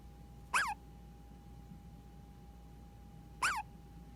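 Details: Two short, sharp, high squeaky hiccups about three seconds apart over a quiet room with faint steady hum; hiccups.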